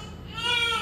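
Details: A newborn boy gives a brief, high-pitched wail rising in strength, with a faint low hum in the room; an ordinary newborn cry.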